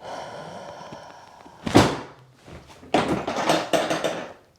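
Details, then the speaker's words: Adult woman taking deep breaths in and out during a chiropractic sacrum adjustment for a sacrum said to be jammed up: a firm dull thump from a treatment-table drop, then several more knocks. "So your sacrum was a little jammed up right there. So that's going to help with that motion."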